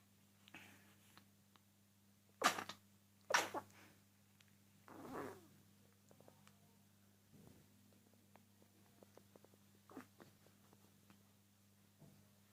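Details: A baby's very first sneezes: three short, sharp sneezes in quiet surroundings, with faint snuffles and clicks between them.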